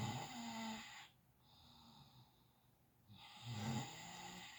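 Two low rough snoring breaths separated by a quiet pause, with faint background noise.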